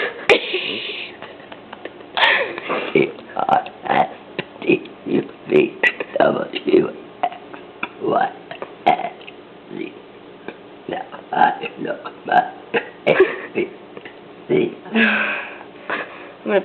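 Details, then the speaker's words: Someone performing deliberate voiced burps shaped like spoken letters, burping the ABCs in a long run one after another; voluntary burping. "her special Vango that she will be doing today is burping the a BC's"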